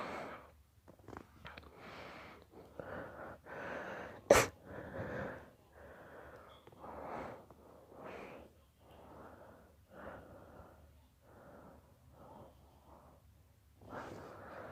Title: Long induced sneezing fit